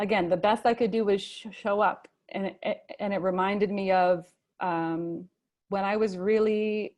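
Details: Adult male, a father, who stutters and chooses to stutter openly, speaking at a convention for young people who stutter; stuttering.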